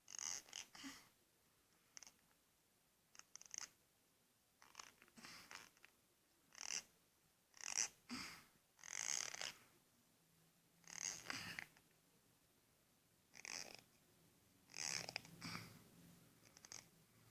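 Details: Awake teeth grinding (bruxism), occurring sporadically, in a patient with 4q21.22 microdeletion syndrome who uses a silicone mouth guard: irregular bursts of harsh, high-pitched scraping and creaking.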